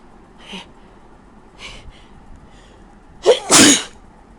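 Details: Person with a bad cold and blocked nose, unable to breathe through the nose, at 3 a.m.: a few soft sniffs, then a sharp catch of breath and one loud explosive sneeze.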